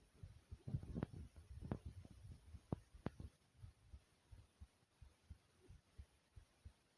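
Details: Own smooth, soothing heartbeat: muffled, regular low heart thumps after a few seconds of scraping and handling noise.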